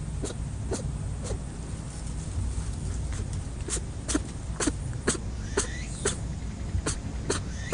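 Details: About a dozen short, sharp sneezes in eight seconds from a rabbit that can't stop sneezing, over steady low background noise. Repeated sneezing.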